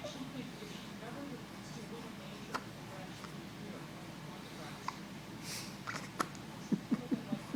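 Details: Baby with a stuffy nose and hiccups that went on long after recording: several short, sharp hiccup-like clicks spread through the clip, with a quick cluster near the end, over low room noise.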